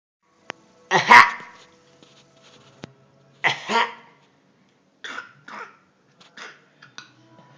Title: funny baby coughing